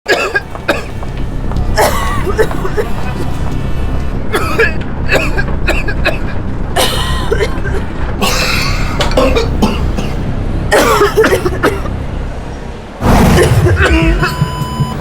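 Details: Acted adult coughs in a flu-vaccine advertisement presenting cough as a suspected COVID-19 or flu symptom; several short coughs over music and street noise.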